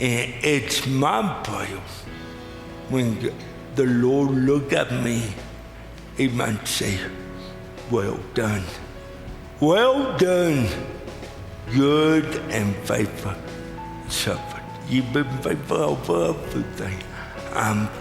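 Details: Adult man with cerebral palsy, recorded preaching a chapel message; dysarthric speech in cerebral palsy.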